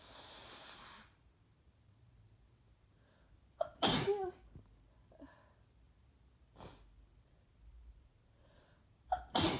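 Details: Two sharp, explosive sneezes with quiet breathing between, from an adult almost a week into flu, congested with a sore throat and feeling worse after drinking; sneezing.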